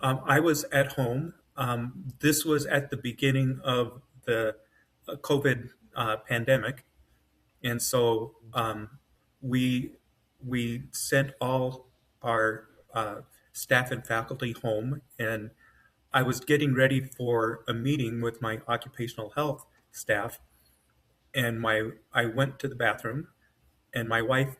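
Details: Adult man with self-rated mild to moderate aphasia after an AVM brain hemorrhage, surgery and a 10-day medically induced coma, with right-side paralysis and foot drop; word-finding trouble, brain faster than mouth; aphasia.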